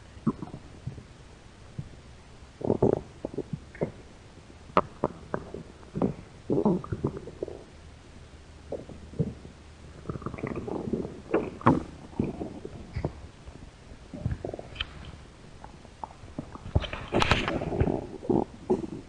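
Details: Two hungry American women's stomach growling: ongoing gurgles, squelches and low rumbles from the belly; hunger-related borborygmi.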